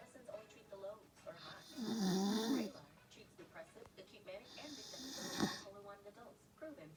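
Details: Two loud, rough, rattling snores from an elderly grandfather who fell asleep with the TV on, with television talk in the background.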